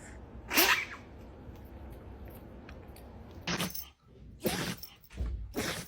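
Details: Several dogs sneezing, compilation: about four short, sharp, explosive sneezes over a steady room hiss; ordinary dog sneezing.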